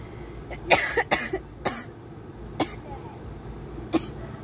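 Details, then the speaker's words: Heavy long-term smoker, smoking since about age 15 and reporting heavy coughing with weed and tar in the lungs: a run of about six harsh coughs with throat clearing; a chronic smoker's cough. "so when I smoke weed I cough a lot cuz my lungs are already so damaged"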